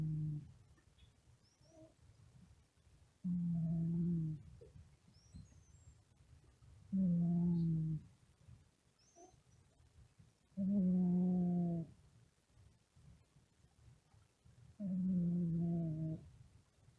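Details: A sleeping cat snoring: steady, low, humming snores about every four seconds, roughly 16 a minute, with quiet breaths between.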